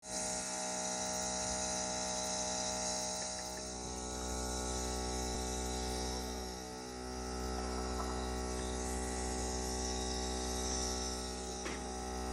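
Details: Steady mechanical hum and buzz of a nebulizer compressor running throughout, giving inhalation treatment to a coughing, sneezing dog after injection and medicines did not help.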